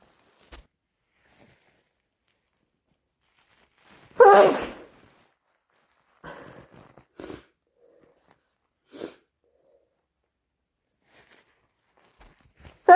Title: More induced hayfever sneezes